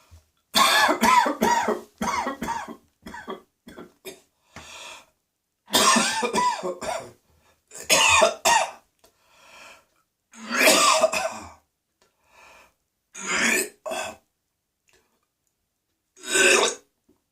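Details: Coughing after something went down the wrong way: harsh, repeated coughing bursts with gagging, puking and spitting sounds, separated by short pauses.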